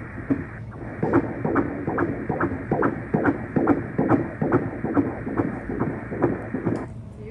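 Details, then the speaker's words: Fetal heartbeat on ultrasound during a gender-reveal scan of a second pregnancy, male fetus: rapid, regular, strong whooshing pulses, rate 139 per minute. "139 mom dad good strong heartbeat"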